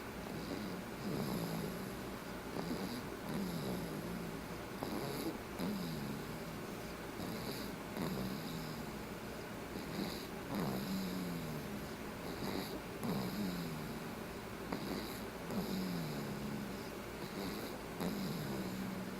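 Steady rhythmic snoring, roughly 24 snores a minute, each a low rattling rumble on the breath, with faint background noise.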